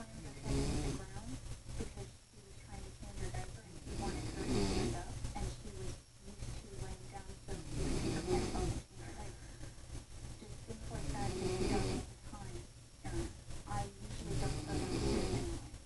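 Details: Exhausted grandmother asleep, heavy snoring with her teeth falling out: loud, irregular rattling snores with fluttering, smacking sounds.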